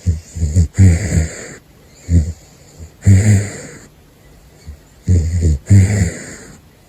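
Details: Gosha, a sleeping caracal, snoring: loud, rough snorting snores in paired bursts with hissing breath, about five breaths in seven seconds.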